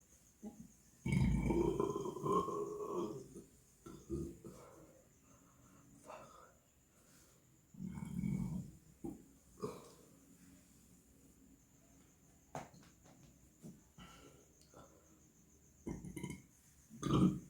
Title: Another black and white burping video lol